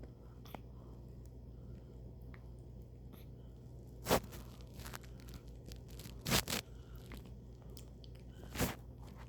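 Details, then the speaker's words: Baby boy with hiccups, his second bout: several brief, sharp hiccup sounds at irregular intervals over a quiet room background. "you got the hiccups huh this the second time we got"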